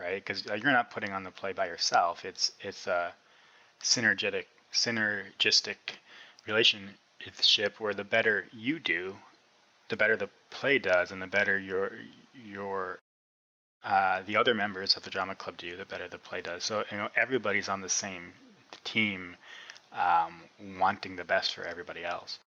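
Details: Adult man who has stuttered since about age six (first grade) and still stutters, with a stutter described as fairly obvious; stuttering.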